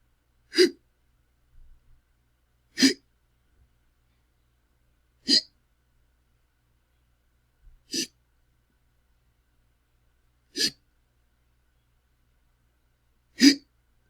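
Six abrupt, sharp hiccup sounds at a steady rhythm, about every two and a half seconds.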